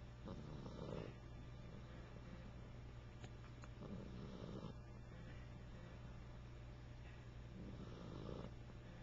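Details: Chipper snoring, recorded with a Flip Video camcorder: three soft rumbling breaths about 3.5 seconds apart, roughly 17 a minute, over a steady low hum.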